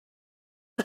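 Two short, abrupt infant coughs separated by a brief pause for breath, fitting a staccato cough pattern.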